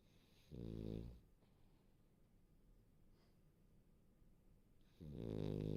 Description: warm and cozy Frenchie, snoring away...